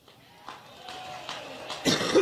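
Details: A woman, coughing for about four minutes during a Labor Day speech in Cleveland, Ohio, where she joked about being allergic, gives about five dry coughs that grow louder and end in a harsher burst; part of a coughing fit.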